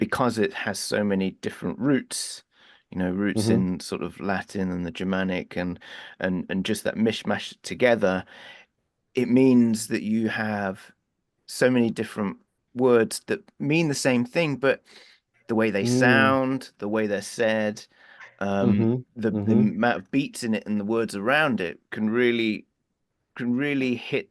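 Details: Adult male speaker; Typical conversational speech.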